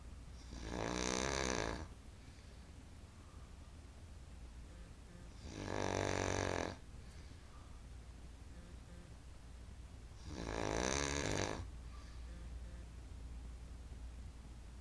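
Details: Three loud rattling snores about five seconds apart, roughly 12 a minute, with quiet room noise between; very loud ordinary snoring.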